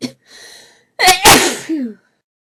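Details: Woman's desperate sneezing fit, audio only: a sharp inhaled catch followed by two explosive sneeze bursts in quick succession.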